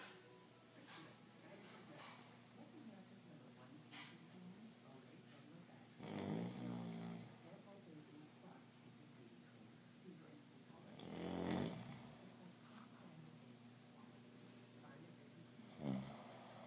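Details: A 55-year-old man with obstructive sleep apnea who uses CPAP fell asleep without it during a TV show: three loud, rough snoring snorts about five seconds apart over background TV sound.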